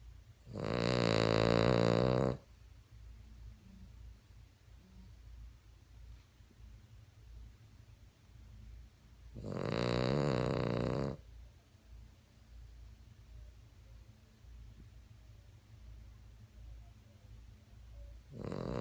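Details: Cavalier dog snoring: two long, rough snores about eight seconds apart, with a quiet room between them.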